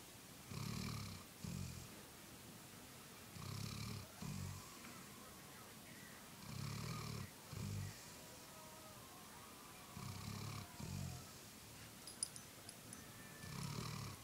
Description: A golden retriever named Samantha snoring :)